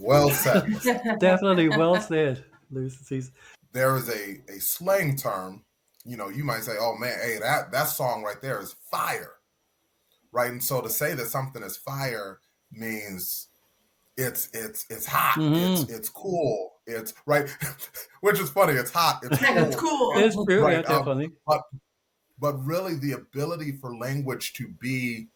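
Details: Adult speakers in conversation, mainly one adult voice; ordinary conversational speech.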